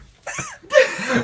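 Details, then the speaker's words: Adult woman radio presenter hiccuping live on air: two quick, high-pitched, squeaky mouse-like vocal bursts; hiccups she cannot stop. "how many hiccups you think you'll do I'm going to try and do none but I can't help it they just keep coming out"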